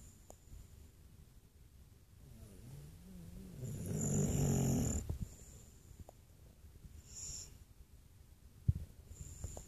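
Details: Quiet sleep breathing rising into one louder, rough, rumbling breath amid faint room noise: soft snoring.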